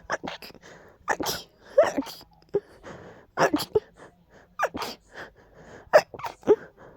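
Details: Strong allergy sneezing fit: a rapid run of sharp, explosive sneezes, close to a dozen in seven seconds, with quick catch breaths between them.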